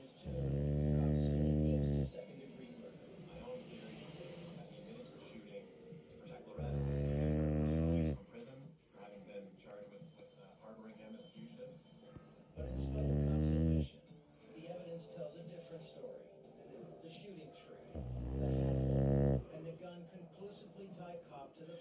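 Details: Sleeping dog snoring: loud, deep, rumbling snores about every six seconds, roughly 10 a minute, with faint room noise between them.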